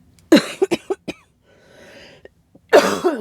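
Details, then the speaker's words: Adult woman with a cough that has turned wet again: two bouts, about six loose, wet coughs in all. "my cough is getting it's like a wet cough again so like great"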